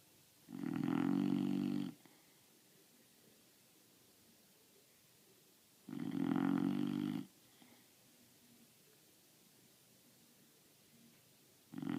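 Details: A sleeping female Boxer puppy snores loudly and evenly, roughly every five seconds, about twelve breaths a minute; loud snoring.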